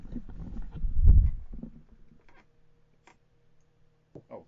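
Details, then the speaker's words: Snoring from a sleeping pet dog that is dreaming, recorded with the microphone moved down beside it. "the listeners will be to hear her snoring doing her andy nunny impressions"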